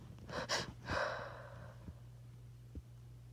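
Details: Two quick catching inhalations followed by a forceful snorting burst of air through the nose and mouth in a quiet room; a sneeze.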